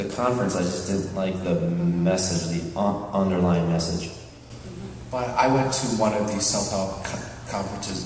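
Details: Adult speaker at a National Stuttering Association conference session (July 2009), with long pauses between word groups; stuttering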